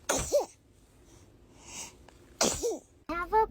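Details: Baby sneezing: two short, sharp sneeze bursts with a soft vocal squeak after each, then a brief baby sound; infant sneezing.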